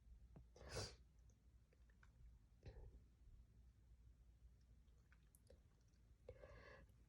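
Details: Woman's sneezing fit induced by tickling with a strand of hair, with spray and a nose blow: a sharp, explosive sneeze followed by softer sniffs and breathy noises.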